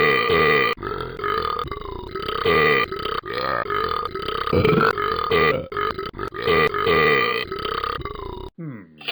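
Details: Long run of loud, drawn-out, voiced belches from the animated character Talking Ben the Dog; a repeated cartoon burping sound effect.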